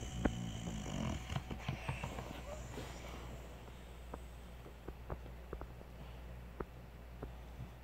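Low rumbling snore from a sleeping puppy with soft snorts and clicks, heard mostly in the first few seconds.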